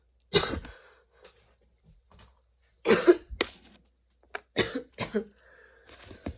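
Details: A prolonged coughing fit of harsh coughs in about eight clustered bursts with gasping pauses. The cough came on suddenly, kept worsening despite changing positions, and brought tears.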